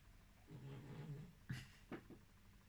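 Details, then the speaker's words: Sleeping pet snoring with a low rumble, followed by a couple of sharp knocks in the room: snoring. "vous l'avez entendu ronfler mon lounlou il ronfle ouais"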